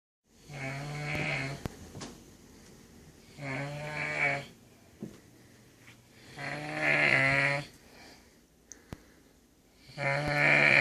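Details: Loud, buzzing, voice-like snores on each breath in, about 19 a minute, separated by quiet pauses; snoring.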